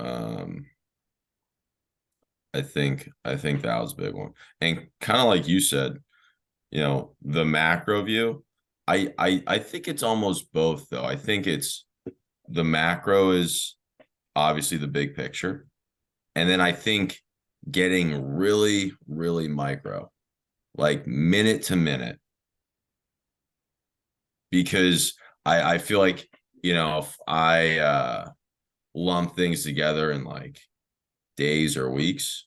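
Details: Adult man who has stuttered since childhood, with speech therapy in early years through teenage and early adult life; stuttering.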